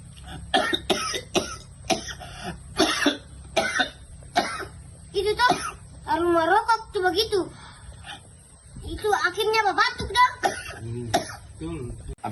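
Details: About eight short, sharp, dry coughs, then wavering, pitched bleat-like calls, likely from a goat. Cough.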